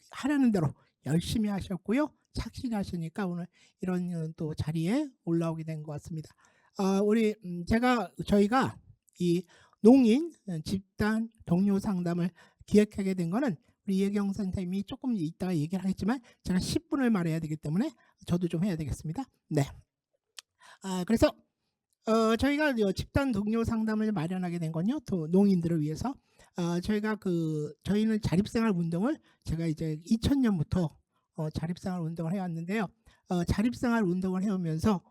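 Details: Adult speaker; Typical speech.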